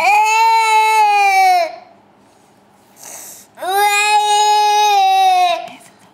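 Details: Two long, loud, sustained infant wails about two seconds each, separated by a pause with a sharp inward breath; ordinary vigorous infant crying.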